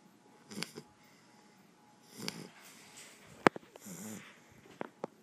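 A sleeping dog makes short snorting, rattling breaths with small clicks and snuffles. This is snoring.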